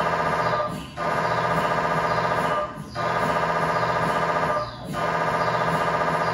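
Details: Loud steady electronic droning buzz with brief dips about every two seconds, inside the scan room during a tibia/fibula MRI sequence with a GE high-definition lower-leg coil (stated as 16 or 8 channel), test scan; normal MRI scanner noise.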